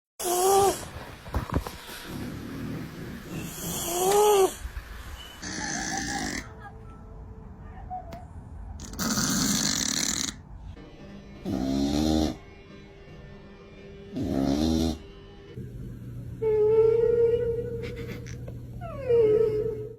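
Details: Sleeping cat snoring with rough, rattling breaths, some ending in a soft whistle.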